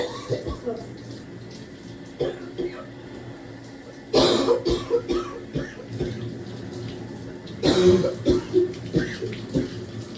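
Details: Deep barking coughs in the shower, trying hard to clear secretions, at times so severe the person was doubled over: bursts of deep harsh loose productive barking coughs over running shower water.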